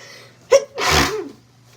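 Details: A quick indrawn breath followed by one loud, explosive sneeze while reading a book aloud; an ordinary single sneeze.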